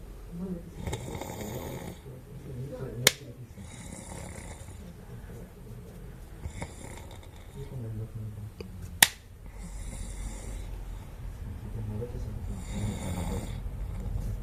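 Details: Sleeping men snoring: overlapping snores from more than one sleeper, irregular in timing, with a couple of sharp knocks in a small room.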